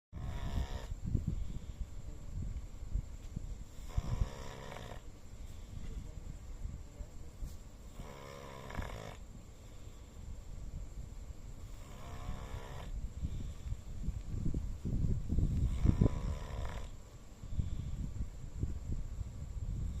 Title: Dog Snoring loudly 😪💤😴